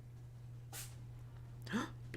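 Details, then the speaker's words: Cat sneeze: a quick, sharp puff followed by a second small burst over a steady electrical hum; harmless little sneeze. "Bless you! Did you hear the little cat sneeze? Cute."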